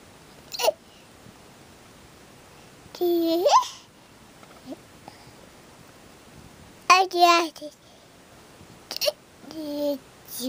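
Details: Several abrupt, sharp hiccups from an 11-month-old infant, some running into brief babbling, in a quiet room.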